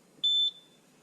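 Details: A single brief high-pitched electronic beep as a BW685 blood and fluid warmer powers on normally before preheating to 38.5°C, a normal start-up tone.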